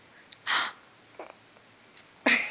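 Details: Two short, sudden hissing bursts with a faint catch between, from a young girl; hiccups.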